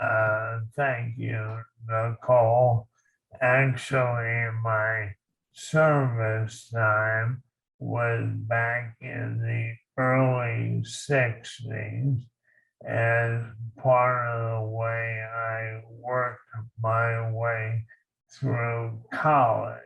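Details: Dysarthria in an Army veteran with ALS, diagnosed 2014.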